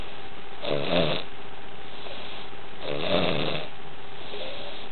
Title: SNORING